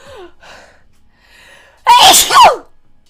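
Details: Soft sniffly breaths build up, then one loud, voiced sneeze bursts out and fades.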